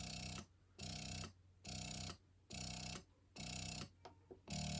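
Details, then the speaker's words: Electric breast pump switched on: quiet motor hum in repeating cycles of roughly half a second on and off, about once a second, in massage mode. "so i actually thought this one wasn't very loud but this one is a lot quieter you can actually just hear it when i turn it on"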